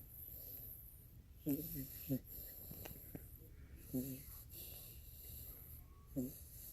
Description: I was rocking him to sleep. He was sleeping with his eyes open and snoring.